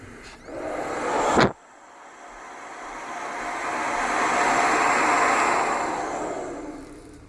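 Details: A small travel CPAP machine (DreamStation GO, AirMini or Transcend) running at 10 cmH2O with flex 3: a steady airflow hiss swelling and fading, with a brief click.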